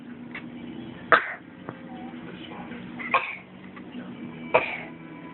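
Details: A cough, with Apple, apparently a pet, chattering in response.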